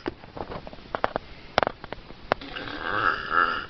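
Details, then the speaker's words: Person's weird snoring: a fast run of clicking, fluttering throat sounds, then a drawn-out rasping snore; unusual snoring. "That is the weirdest snore I've ever heard."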